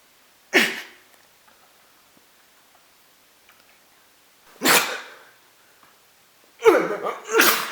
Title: Gross Sneeze